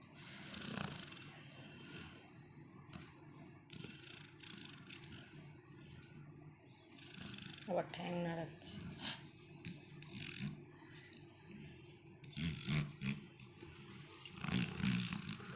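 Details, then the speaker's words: Labrador dog relaxing in deep sleep, snoring loudly: low rumbling breaths with irregular snorting bursts over room noise. "নাক ডাকছে না বাজ পড়ছে বোঝা যাচ্ছে না। গভীর ঘুমে মগ্ন।"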